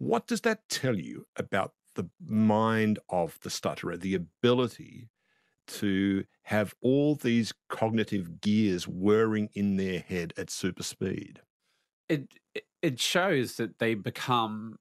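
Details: Adult male speaker; no speech disorder.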